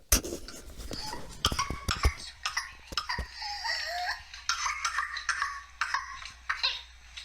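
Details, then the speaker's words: Small child with whooping cough in the paroxysmal stage: a run of rapid staccato coughs, then a high-pitched drawn-in whoop as the child struggles to open the airways. Pertussis paroxysm with inspiratory whoop. "So, you could hear that whoop, that whoop, because you're just desperately trying to open up the respiratory passages."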